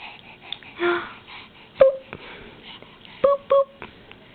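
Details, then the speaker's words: Infant about 6 weeks old in pajamas, hiccups again: three sharp, short catching sounds with a brief voiced squeak in a quiet room, soft baby noises between; hiccups. "hey what you doing got the hiccups again look at you and your cute little jammies"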